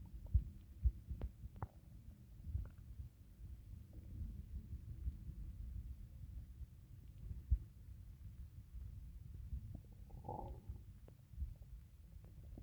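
Low, soft abdominal rumbling with a brief bubbly gurgle, ordinary bowel sounds after drinking water.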